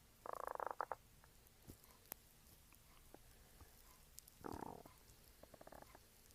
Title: Empty stomach growls